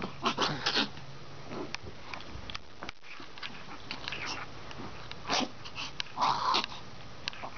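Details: A female pet dog gives several short, harsh coughing bursts in two clusters separated by a quiet pause, in a small indoor room.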